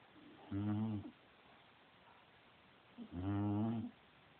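Two loud, low, rattling snores about 2.5 seconds apart from a sleeping bulldog in a quiet room.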